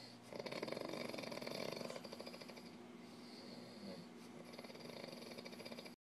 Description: big baby snoring